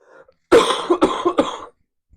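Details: One brief fit of three quick, dry coughs in a row from an adult who has been sick, during a livestream.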